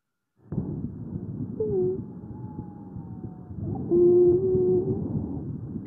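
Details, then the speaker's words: Breath sounds with a single steady musical whistle through two breaths: monophonic wheeze. "monofónicas podríamos encontrarlo a propósito, como les decía, de otras patologías, pero no significa que no pueda ser a propósito, por ejemplo, de un paciente asmático o de pacientes pediátricos con síndromes bronquiales obstructivos, ¿ya?"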